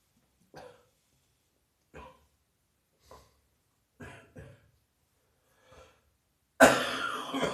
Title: Heavy Chest Cold Night Coughing